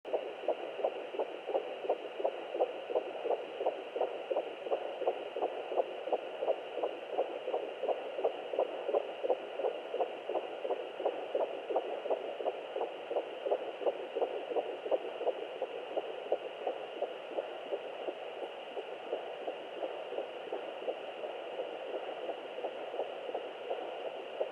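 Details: Fetal heartbeat on Doppler at 11 weeks of pregnancy: fast, regular galloping whoosh, about 170 beats a minute.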